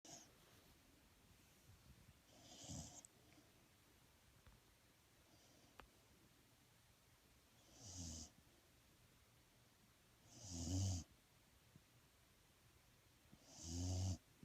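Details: Animal snoring in sleep: soft, low snoring breaths repeat every few seconds, about 19 a minute, over quiet room noise.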